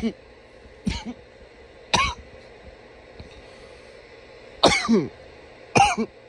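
Five loud, harsh single coughs spaced irregularly over about six seconds, with steady low room hum behind.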